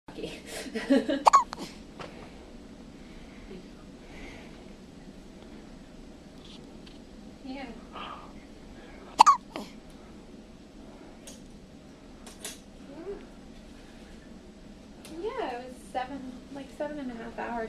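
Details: Newborn baby, mother recounting a recent epidural delivery, giving a few short, abrupt hiccup sounds with faint fussing and soft voices in a quiet room; hiccups.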